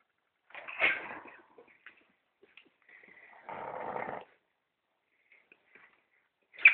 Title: Pontyclun RFC Tour - Italy 2009 - Snoring